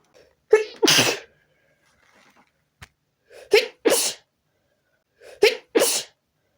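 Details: Sneezing fit while trying to relax: three sneezes, each a quick inward breath followed by a sharp burst, repeating every couple of seconds.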